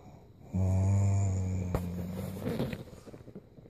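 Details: Sleeping young woman snoring: a single loud, low, drawn-out snore fading into a rough snort.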